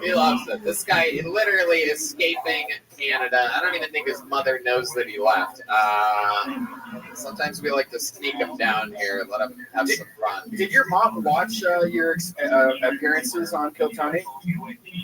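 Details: Adult man speaking; typical speech.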